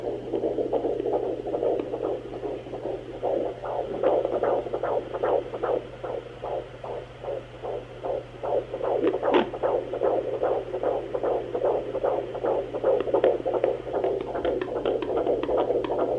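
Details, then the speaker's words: Fetal heartbeat at 15 weeks of pregnancy on a home Sonoline B fetal Doppler, baby lying mid-abdomen: fast, steady whooshing pulses about 150 a minute, much faster than the mother's, over low hum and shifting noise. "so I found the baby's heartbeat sooner than I expected - honestly that took me like two seconds so that tells me that baby is definitely growing big and strong"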